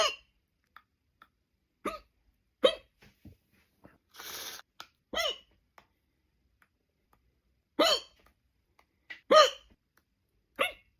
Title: I can't stop hiccups👧🏻🇯🇵 #funny #english #fyp